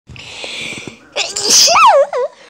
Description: So I sneezed